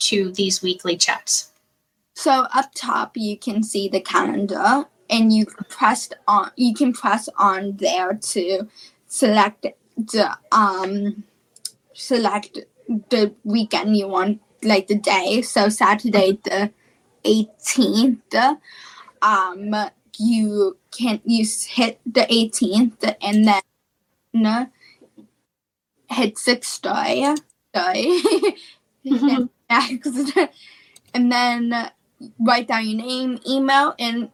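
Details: Female high school senior with childhood apraxia of speech, a neurological speech disorder, in speech therapy since about age four and once only 10% understandable; childhood apraxia of speech.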